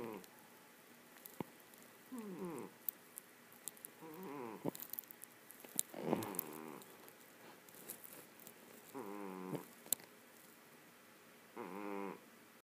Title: Cat snoring